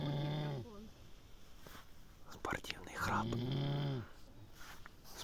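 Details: Snoring from someone on an enduro outing, complained of as scaring away the fish: two long, low, buzzing snores on the in-breath with quieter noise between.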